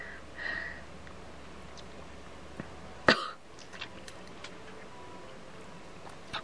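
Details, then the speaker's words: Adult woman coughing during a laughing fit while reading online: single sharp, explosive cough in a quiet room with faint surrounding noises. "so hard i'm crying i'm laughing so hard and coughing i'm laughing so hard"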